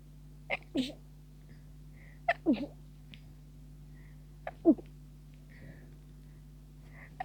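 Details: Stifled sneeze attack near the end of a cold, tickling sneezes: three short, muffled, held-back sneezes, each preceded by a quick catch of breath, in a quiet room.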